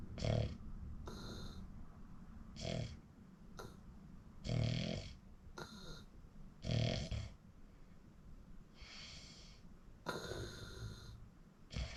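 Irregular snorting, rasping sleep breaths of varying loudness with some higher whistling tones, heard against faint room noise.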